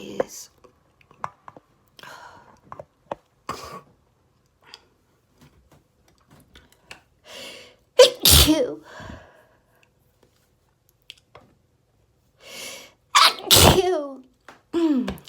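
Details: Several forceful sneezes in quick succession with gasping breaths between — rapid, desperate allergy sneezing fit.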